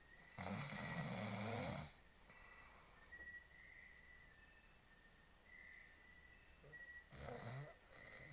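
Two loud, rough inhaled snores about six seconds apart, with quieter whistling breaths between; typical adult snoring.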